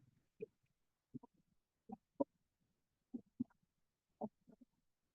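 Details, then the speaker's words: Needle EMG recording: dull, irregular low-frequency thumps over a quiet background, an overwhelming number of positive sharp waves with an occasional fibrillation, signalling denervated, orphaned individual muscle fibres. "Now, in this case, there's an overwhelming number of positive sharp waves, which have kind of the lower frequency to them. So they sound like more thumps."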